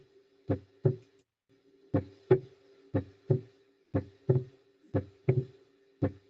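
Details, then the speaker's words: Regular heartbeat about 60 a minute; each second sound comes as two close taps: a split second heart sound (diastolic / S2 splitting), played as a teaching recording. "Podría ser desdoblamiento en síol. M. M. Desdoblamiento diastólico. Exacto. Desdoblamiento diólico o del segundo ruido."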